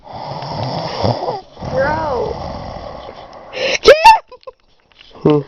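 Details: Snoring: long, droning breathing noises followed by a few loud snorting bursts.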